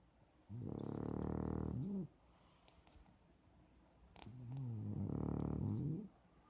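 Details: Two loud, low, rattling snores, each ending in an upward vocal whine, at about 16 breaths a minute: ordinary heavy snoring.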